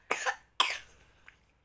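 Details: Young child, an older sister, coughing since last night, awake all night coughing and vomiting; two short, harsh coughs, the second trailing into a breathy release; cough during illness.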